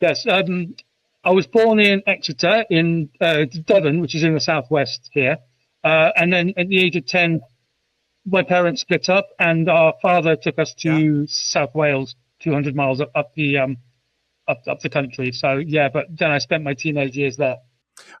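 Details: UK adult man who has stammered since about age 5, intense for 20 years, with speech therapy at about age 24; stuttering.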